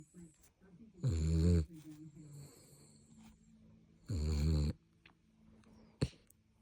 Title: The snoring chihuahua, the cutest thing ever ❣️🥰 #chihuahua #snoring #cutebaby #icandothisallday